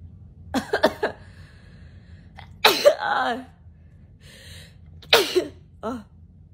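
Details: A quick series of reflex sneezes with gasping breaths between, then more sneezes; a young woman sneezing during a Covid-19 self nasal swab test.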